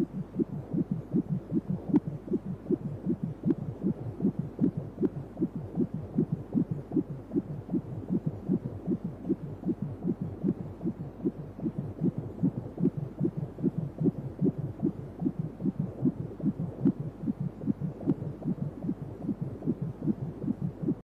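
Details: Rapid, regular whooshing pulses at about 150 a minute over a steady hum, recorded during a 3D/4D ultrasound baby scan; a fetal heartbeat in the normal range.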